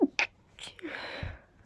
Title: Quite breathy powerful stifled sneezes 🤧